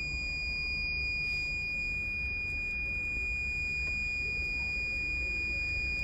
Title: Dental ElectroCautery Machine | ElectroSurgery Unit for Dentist | Electro Cautery Machine for Dental